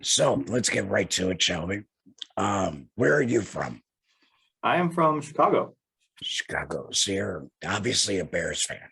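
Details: Male laryngectomee who had a total laryngectomy in 2020, speaking without a larynx; alaryngeal speech after total laryngectomy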